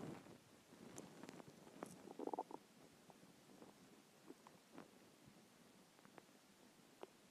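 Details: Hungry stomach after a skipped lunch: quiet gurgles, squeaks and brief rumbling bursts from the belly; hunger stomach growling, borborygmi.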